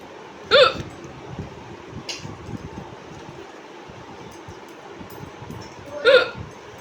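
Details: Woman with ongoing hiccups, recorded at home: two sharp, voiced hiccups about five seconds apart against quiet room noise.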